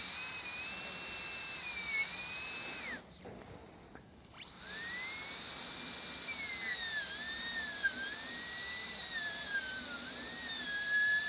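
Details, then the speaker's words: Dental high-speed handpiece cutting tooth #9 for an all-ceramic crown preparation (rounded shoulder), breaking through the distal axial wall at the gingival third; high-pitched whine dipping under load, brief pause midway. "i'm gonna go ahead and break on through with this uh distal axial wall just to get that depth right"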